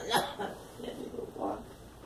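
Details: Girl giving a few short, sharp cough-like bursts with some voiced sound between them, coughing.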